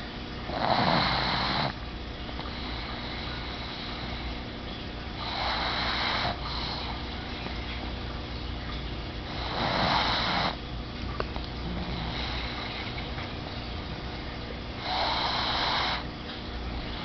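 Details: Sleeping, relaxing pug snoring: regular noisy snoring breaths about every 4.5 seconds, roughly 13 a minute, over steady room noise.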